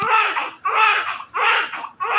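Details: Newborn baby girl, described as big, just delivered by normal vaginal birth; loud, rhythmic wailing cries with brief breaths between, about three cries in two seconds; vigorous, normal newborn cry.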